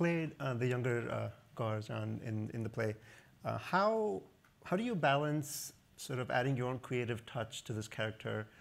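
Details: Adult man speaking; Normal speech.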